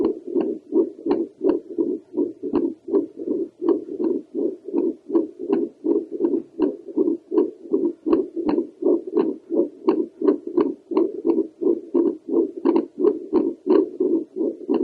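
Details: Doppler recording of a woman's own heartbeat over the pulmonary valve area (mitral valve possibly heard behind): rhythmic whooshing pulses of blood flow at about 85 a minute, somewhat uneven.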